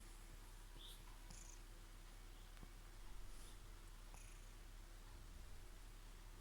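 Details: Soft, low, steady rumbling with faint breathing swells from a resting cat after eating fried chicken: snoring.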